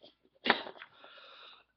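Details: Person sick with a cold: a single sharp, explosive cough followed by a breathy, slightly whistling inhalation in a quiet room.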